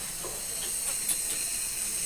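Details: Steady high hiss of a running nebulizer during nebulization of a baby with cough and cold at a hospital; no clear breathing or coughing heard.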